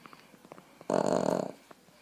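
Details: Snoring from a Boston terrier napping on a lap: a single rough, fluttering snore about half a second long over quiet room sounds.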